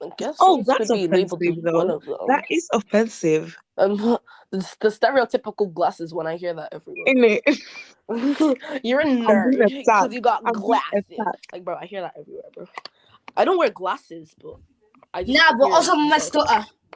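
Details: Adult speaker; normal conversational speech.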